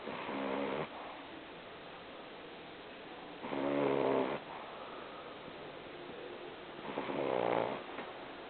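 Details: Snoring during sleep: buzzy, rattling snores on each in-breath, about 18 per minute, with quiet breathing between; snoring.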